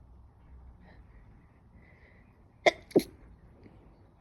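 After quiet room noise come two short, muffled bursts: an adult stifling sneezes so they are nearly silent.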